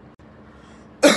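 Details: Imitated COPD cough in a teaching demonstration: a single forceful cough burst after a quiet pause, reflecting obstruction to airflow in the expiratory phase.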